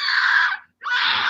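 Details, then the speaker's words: A baby gives two loud, sustained crying bursts with a brief pause between; the carer knows the cry well and reads it as wanting to be burped: infant cry. "I know that cry so well. You ain't the first and you ain't the last to hear that one. That's the burp me, and if you take care of me the next 4 minutes after you burp me, maybe I'll go to sleep."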